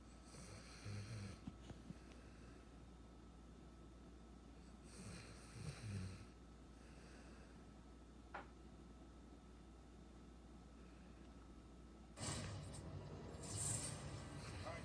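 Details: A sleeping puppy snores again, with short, soft snoring breaths and snorts coming and going over a quiet, steady room hum; snoring.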